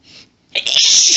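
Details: Woman sneezing while reading aloud, sneezes intense and violent: brief indrawn breath, a pause, then a forceful explosive sneeze trailing into a long hiss; one sneeze from a sneezing fit.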